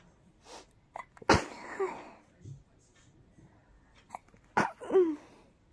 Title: More teasing rapid sneezes